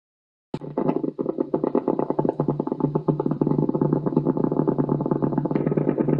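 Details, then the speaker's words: Needle EMG speaker output from normal muscle as the patient applies more force: crisp, rapid clicks building into a dense crackling pattern; normal motor unit potentials with normal recruitment. "have a look at the morphology of the mo unit potential see if you can recognize and distinguish different Mo unit potentials also try to evaluate the recruitment pattern"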